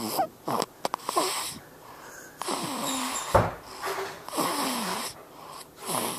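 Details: Baby son snoring loudly, recorded with a Flip Video camera: rattly breathing in quick cycles, some with a squeaky whistling edge.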